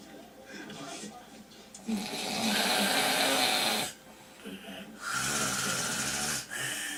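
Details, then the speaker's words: Two long, loud, harsh snoring breaths with a quieter gap from a sleeping man whose body and neck strain to get air: snoring with obstructive sleep apnea. "if you notice in the video his neck kept because his body is trying to get the air it's trying it's"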